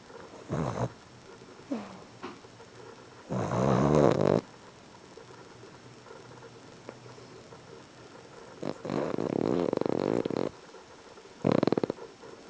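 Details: Sleeping animal heavy snoring: loud, irregular, rattling snores with quiet gaps between breaths.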